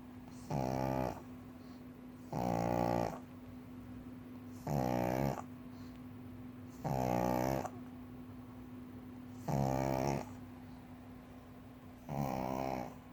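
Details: Four-year-old female pug asleep on a cushion, snoring: loud, regular rattling snores, six in about thirteen seconds, with a faint steady hum behind; snoring from a flat-faced dog.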